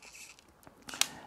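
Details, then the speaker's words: Ellipta dry powder inhaler being prepared: light rustle, then a sharp plastic click as the lid is fully opened, loading a dose and lowering the dose counter by one. "there's also a click when the lid is fully open"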